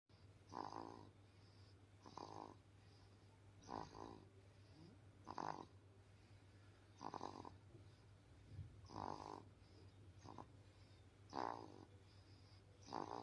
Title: Newborn baby snoring #shorts #viral #newborn #cutebaby